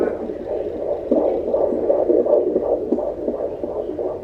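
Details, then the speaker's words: Fetal heart tones on Doppler, fast around 160 while the baby was moving during an active period, then slowing to a baseline of 149: normal rapid whooshing fetal heartbeat. "And there's his baseline. So he did exactly what I would expect him to do. He sounds great. Baseline's 149."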